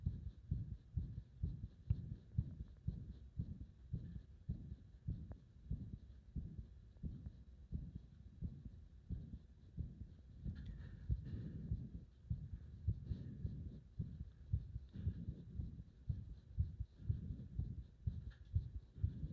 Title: 圧迫で止まりかける心臓の音